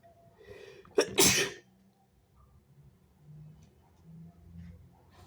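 A quick indrawn breath, then one loud, wet, explosive sneeze, followed by quiet breathing and sniffling.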